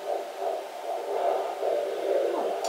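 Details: Fetal heartbeat on a handheld Doppler in the second trimester, about 16 weeks: rhythmic whooshing pulses at 150-160 beats a minute, judged fine, with small plops from baby movements.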